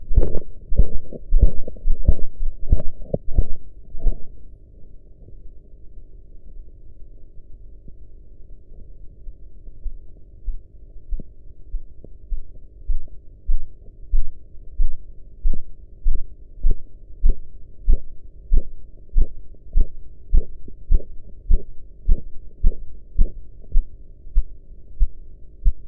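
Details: Korotkoff sounds on an audio-enhanced blood pressure practice recording with sphygmomanometer: soft rhythmic arterial taps come and go over a steady low hum during cuff deflation, with some background noise.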